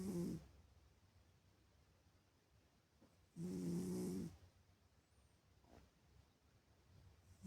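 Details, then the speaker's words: Sleeping cat snoring in the morning: two loud, low, rattling snores about three seconds apart, with quiet breathing between them. "Бастюша ещё не проснулся. Вот так он храбит."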